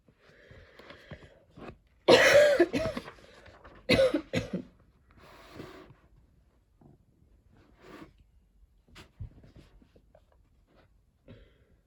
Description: okay so im still coughing, this cough is really holding on to me, my breath is soo heavy lately and i cant shake all the tickles